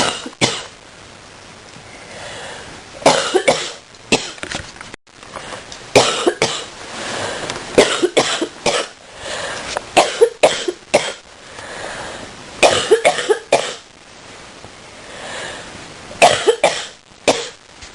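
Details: Person coughing in bed in the morning; repeated bursts of harsh coughing in clusters with throat clearing and breathing between bouts in a quiet room; cough.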